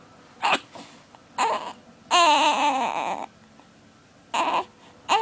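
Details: 6-week-old baby boy upset by hiccups: short fussy cries with one longer wailing cry in the middle, separated by quiet pauses; infant crying.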